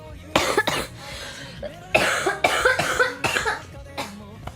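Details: Several sharp, harsh cough bursts in close succession from a young woman on a live stream, with soft music behind. Repeated coughing; she mentions a sore throat.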